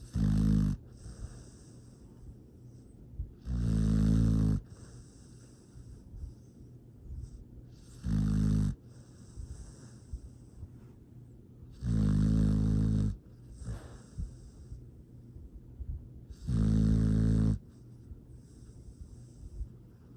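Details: Sleeping dog snoring: regular loud buzzing snores about every four seconds, roughly 14 a minute.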